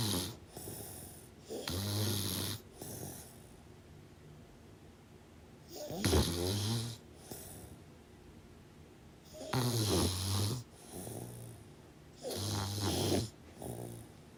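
Deep, rattling snores on the in-breath with softer out-breaths, about four cycles here; ordinary snoring during sleep.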